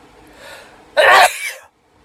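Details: A soft in-breath then one loud explosive sneeze with trailing exhale, deliberately triggered by cayenne pepper on a cotton swab in the nostrils; right nostril burning afterward.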